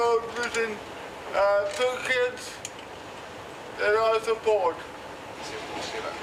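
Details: 32-year-old man born with cerebral palsy, dependent on 24-hour care, with slurred speech that worsens when tired: dysarthria (cerebral palsy)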